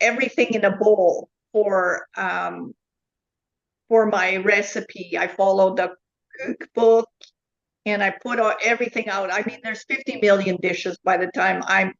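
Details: Adult woman with foreign accent syndrome since 2010.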